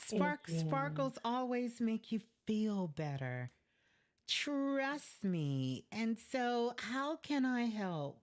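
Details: Adult female speaker; normal speech.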